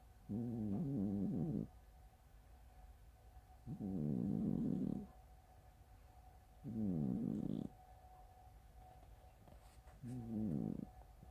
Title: Snores that sound like farts ❤